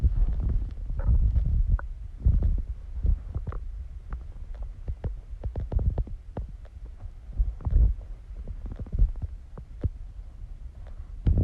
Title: Stomach growling sounds | My Stomach Makes Noises